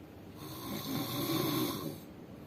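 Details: Extremely loud snoring, likened to an excavator: one long, loud, rattling snore on a breath in, lasting under two seconds, with quiet room noise around it.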